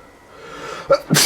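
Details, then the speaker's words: A rising intake of breath, then a single sharp, explosive sneeze; real daily allergy sneezing that the sneezer blames on dust, pollen or pepper. "every day i face these so you know people say it sounds it sounds like it's an act or anything it's it's real our faces every day it's either dust or pollen or or the pepper"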